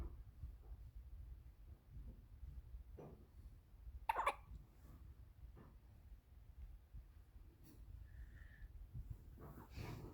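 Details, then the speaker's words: A 2-week-old baby girl with hiccups while being settled to sleep: a few short, sudden catches of breath spaced seconds apart in a quiet room; infant hiccups. "Don't worry. Let her get over the hiccups."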